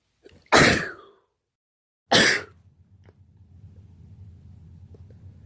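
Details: Two loud explosive sneezes about one and a half seconds apart, each a sharp burst with a fading tail, from a collection of one person's allergy sneezes recorded throughout their birthday; sneeze.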